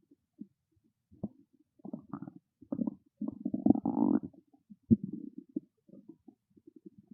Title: Hungry Stomach Growling Loud FULL VIDEO FOR CHANNEL MEMBER #stomachnoises #stomachgrowl #stomachasmr